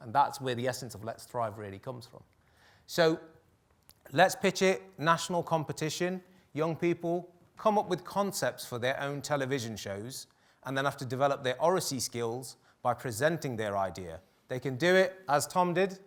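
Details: Adult male speaker; ordinary speech.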